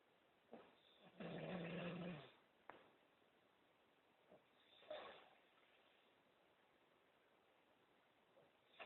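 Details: Snoring in a quiet room: one loud, rumbling, buzzing breath lasting about a second, with a few softer snorts and sniffs around it.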